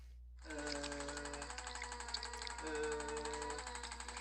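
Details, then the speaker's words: Arthrostim handheld chiropractic adjusting instrument ("tickle gun") used on a young child's upper cervical spine: rapid mechanical clicking, about four per second, over background music. "this adjustment here is an instrument we call the arthro stem and with the kids we call it the tickle gun but it it kind of looks just like a little Jackhammer"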